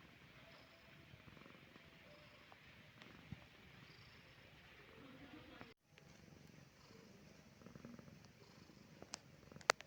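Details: Soft, continuous low rumbling purr from a cat resting peacefully in the evening, with faint room noise; contented cat purring.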